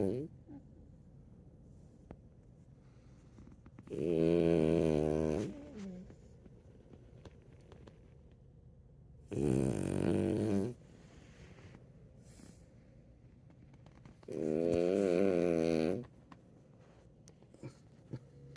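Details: A sleeping dog lying on his sister: three loud, rattling snores about five seconds apart, each lasting one to two seconds, in a quiet room; snoring.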